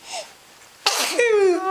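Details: A single sneeze during a late-night cuddle with dad: a sharp burst of breath noise, then a falling voiced sound.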